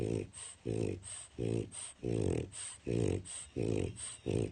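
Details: French Bulldog napping in his crate, snoring very loudly: rhythmic rasping snores at about 40 breaths a minute, each with a snort in and a rattle out; he is then woken.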